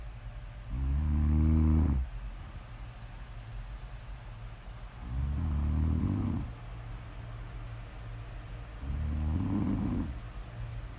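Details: Person snoring during sleep, recorded as ASMR snore audio: three low, rumbling snores about every four seconds, roughly 15 a minute, with quiet pauses between; steady snoring.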